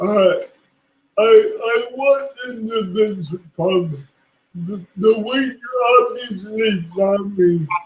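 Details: Dysarthria due to cerebral palsy in a woman who is a public speaker.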